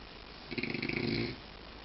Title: Snore Dog Millionaire 4